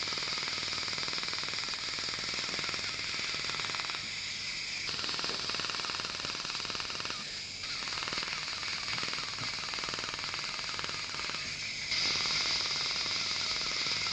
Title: Preparation of 4 cavities and old filling removal using Er:YAG laser